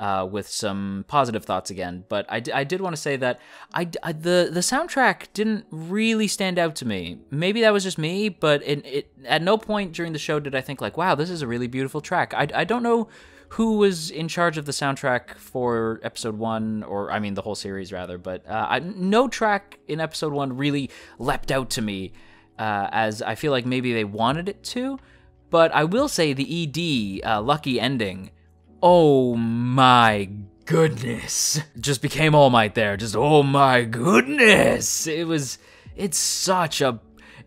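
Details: Adult male who self-reports stuttering; sound and word repetitions heard throughout the clip, consistent with stuttering.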